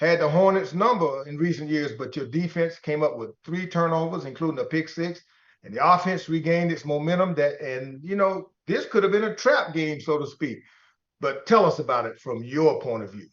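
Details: Adult speaker; typical voice.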